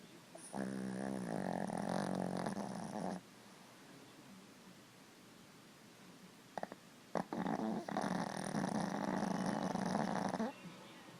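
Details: Yorkie dog snoring: two long, loud rattling snores separated by a quiet pause, with a vibrating buzz through each breath.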